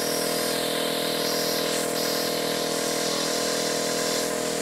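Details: Nebulizer compressor running.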